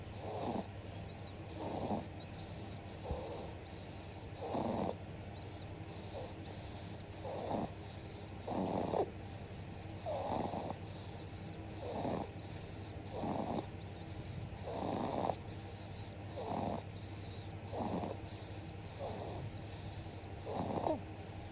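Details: Snoring in a sleeping 2-month-old infant: soft, rhythmic snores at about 40 breaths a minute over a steady low background hum.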